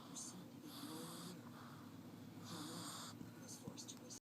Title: Ms Mollie snoring